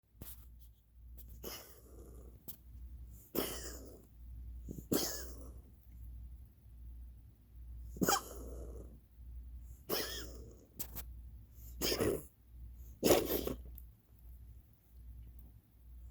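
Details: Pet recorded to show the vet, owner suspects asthma: repeated short, harsh coughing bursts with quiet breathing between them.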